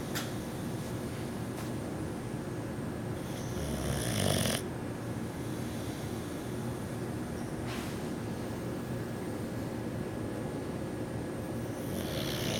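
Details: A 6-month-old male Boxer puppy, sleeping, gives a steady, rough, fluttering snore with a few louder snorts; ordinary puppy snoring.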